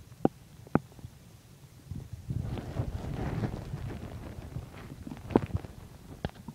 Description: So here my stomach is digesting chicken and milk.